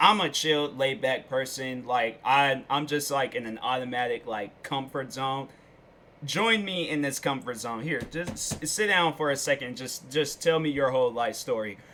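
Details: Adult man speaking; ordinary speech.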